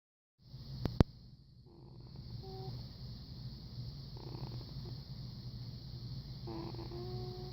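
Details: Tiny, very faint, slightly whistling snores roughly every two to three seconds over a steady high hiss, during sleep.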